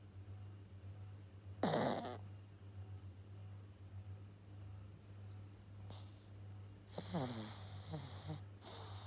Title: 7 months old Pug puppy snoring